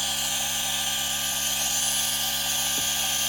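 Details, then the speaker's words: A G-Tech Compact DC1 compressor nebulizer runs at home with a steady, even mechanical whir and hiss, described as quieter than other models. "Look, it doesn't make as much noise as other models."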